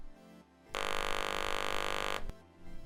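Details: Electrolarynx (laryngofon) being test-sounded after its foam ring was replaced: the device's buzz.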